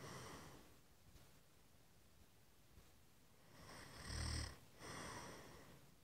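Soft, low rasping breaths with one louder rumbling snore and a softer one after it; quiet snoring against room hiss.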